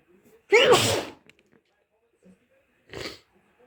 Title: cold sneezes and blows part II